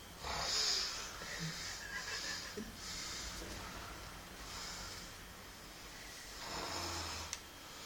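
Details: Repeated loud, hissing, rasping breath noises in quick cycles with faint room noise between them: heavy snoring.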